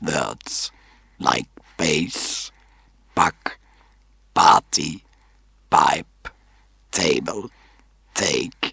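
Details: Adult man using an artificial larynx; electrolarynx speech after laryngectomy.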